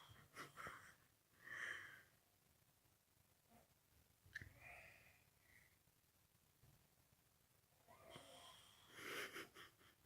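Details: Adult man asleep in a quiet room, snoring with intermittent breathy, whistling snorts and airy sleep breaths separated by pauses; posted as a snore prank.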